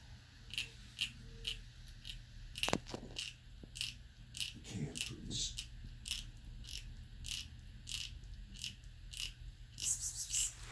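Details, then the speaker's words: Kitten eating soft food: repeated crunchy clicks and scraping as she grinds her teeth while eating, with quiet room noise. "So she's grinding her teeth as she's eating."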